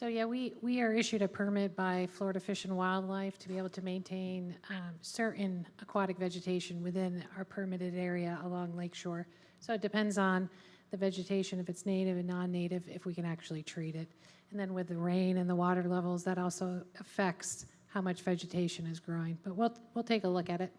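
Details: Adult woman speaking; normal voice.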